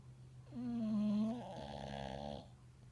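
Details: Dog snoring in its sleep: a single drawn-out, rattling snore on the in-breath, then a softer buzzing tail.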